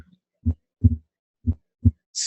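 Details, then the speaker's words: Two heartbeats on a Harvey cardiopulmonary simulator, the second heart sound subtly splitting into two close parts with inspiration: normal physiological splitting, heart sounds timed with respiration. "so if you pay attention here you can hear with inspiration"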